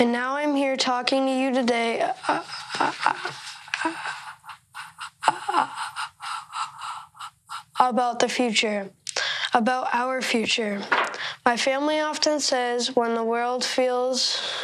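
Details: 13-year-old boy who stutters, real speech; stuttering.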